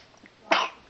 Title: Lagi Batuk